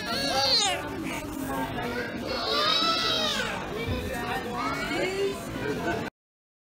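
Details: Young girl crying at the airport as her father says goodbye, calling for papa to come back: wavering, pitched wails with music and voices overlapping in the background.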